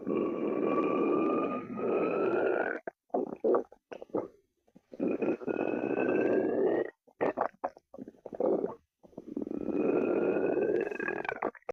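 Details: Stomach growling (borborygmi): long gurgling rumbles with rising squeaky tones, broken by short pops and pauses; normal gut movement.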